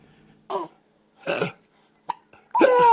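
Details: Hiccups: four short, abrupt voiced bursts spaced irregularly over about three seconds.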